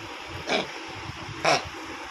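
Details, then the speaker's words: Young pet that is unwell and keeps coughing, described as sounding distressed: two short, harsh coughs about a second apart over quiet room noise. "কাশছে তোমরা শুনতে পাচ্ছ, দেখছো কেমন আওয়াজ? ইস কি কষ্ট হচ্ছে।"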